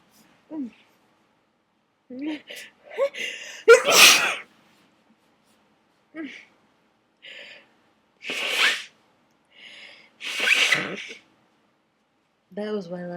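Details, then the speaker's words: Dust-triggered sneezing fit in an attic: a run of several loud, explosive sneezes with sharp inhaled breaths between them; sneezes keep coming and getting messy. "God they just keep coming I'm see I'm going to see and now it's getting messy again"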